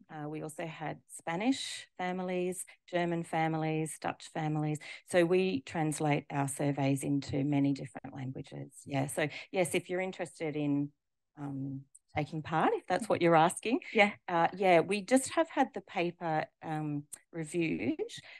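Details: Adult woman speaking; typical adult speech.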